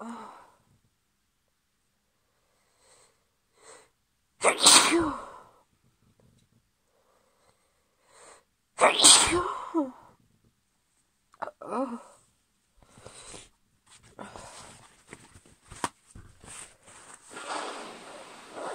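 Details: Female with a cold: two forceful sneezes with sharp inhaled lead-ins, followed by sniffling and rustling.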